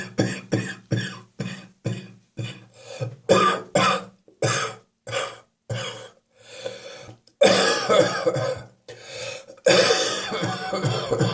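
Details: Adult with a spring cold and a real wheeze on the chest this morning: a rapid run of about fifteen chesty coughs, then longer harsh wheezy coughing fits; wet productive cough with wheeze.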